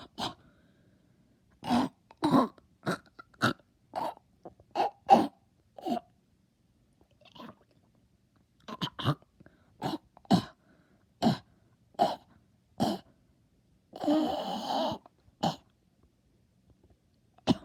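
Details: Deliberate, acted coughing, not illness: about fifteen short, sharp coughs in irregular bursts, plus one longer throat-clearing sound.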